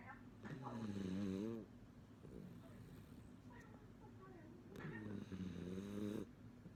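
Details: Female miniature schnauzer whose snoring gets louder when the TV is turned up: two drawn-out snores with a whistling, squeaky tone, separated by a quiet exhalation; snoring.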